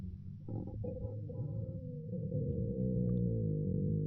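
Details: Girl's stomach growling (borborygmi) listened to: a steady low rumbling, gurgling drone that swells over four seconds, from gut movement.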